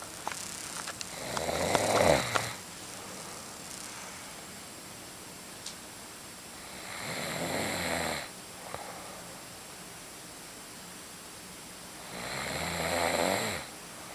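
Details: Snoring: slow, raspy snores about every six seconds, roughly 10 breaths a minute, over a steady faint hum.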